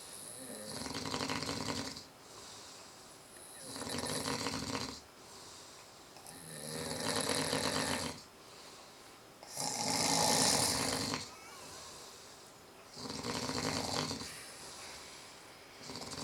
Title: 2 idiots snoring, 1 idiot watching.